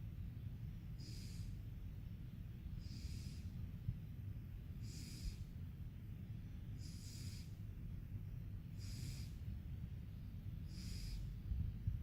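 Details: Quiet snoring during sleep: soft hissing breath noises repeating steadily at about 30 a minute over a low, steady room rumble.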